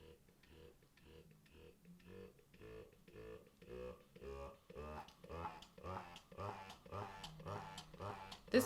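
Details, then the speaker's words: Medela Freestyle Flex electric breast pump running, possibly at max level, presumed stimulation mode; rhythmic buzzing motor pulses quickening over the clip, with a vibrating rattle. "let's just turn it on see what happens oh the number is moving i don't know why that's happening i think it's counting how long you're pumping this is loud i wonder if it's on the max section"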